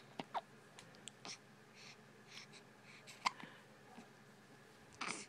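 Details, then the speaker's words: Newborn girl, 1 week and 1 day old, with hiccups: soft, sharp little catches at irregular intervals in a quiet room. "Still got hiccups. You still got them. You poor thing. You poor thing. My poor boo-boo got the hiccups."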